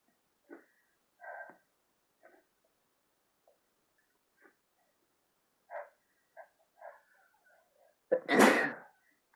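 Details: Soft breathy build-up then one loud explosive sneeze, deliberately provoked using chhinkni, amid many repeated sneezes.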